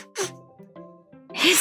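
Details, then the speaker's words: Adult woman's first sneeze on a live stream: a voiced intake, then one loud, forceful, hissing sneeze with soft music underneath. "my first ever sneeze on stream I was here bless you"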